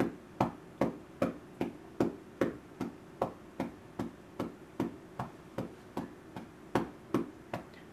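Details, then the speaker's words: Parent's home chest physiotherapy on a calm, comfortable girl, about 2 minutes in, with feeds stopped half an hour before: steady hollow hand claps about 150 a minute, firm enough to be effective; chest percussion to loosen mucus. "So again, you can see she's not upset whatsoever, not hurting her, but still hard enough that it is effective."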